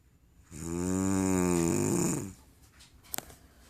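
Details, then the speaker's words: Adult woman (wife) snoring loudly while asleep, though she says she doesn't snore: one long, loud, buzzing snore lasting nearly two seconds, then quiet breathing. "okay what you're hearing right now is my wife is snoring really loud it almost sounds like a long"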